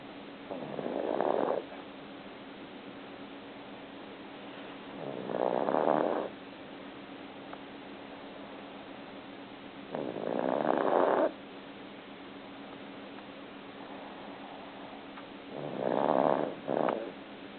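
Four soft rasping snores at regular intervals, about 14 a minute, over a steady hum; a sleeping cat snoring.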